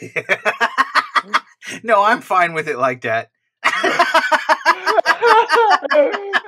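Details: Adult speaker; typical speech.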